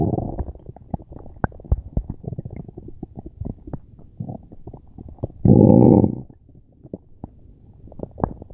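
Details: Loud gurgling and bubbling abdominal rumbles with irregular pops and a longer growl, recorded during a tummy ache; very active bowel sounds (borborygmi).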